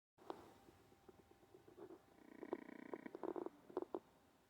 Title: olde English bulldog snoring while sleeping